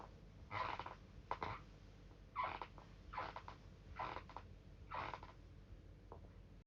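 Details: Sleep bruxism: repeated gritty, rasping teeth-grinding bursts made while the person sleeps and dreams.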